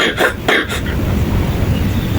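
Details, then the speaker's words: Compressor nebulizer running to loosen phlegm in a child with cough and cold, with IV saline as the solution: steady low motor hum after a few brief bursts of sound. "Jadi dahaknya biar mencair. Fungsinya itu dahaknya biar mencair. Untuk cairan ini aku pakai infus ya."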